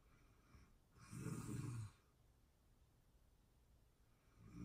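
One deep rattling snore on an in-breath, then quiet, then the next snore beginning: snoring in sleep.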